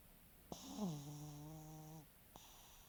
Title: Lucek chrapie (French Bulldog snoring)